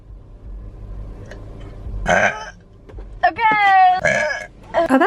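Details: Woman's compilation of relieving deep burps: several loud, deep, drawn-out burps with a low rumble of traffic in the background.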